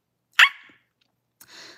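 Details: Barking vocal tic in a 27-year-old woman with Tourette syndrome.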